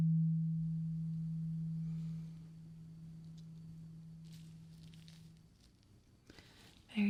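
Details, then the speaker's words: Role-played ASMR ear exam, simulated, for compacted earwax with a clogged feeling and altered hearing: a steady low tuning fork hum fades over about five seconds, then faint rustling; the listener says which ear hears it. "Now, I want you to tell me what ear you hear the tuning fork."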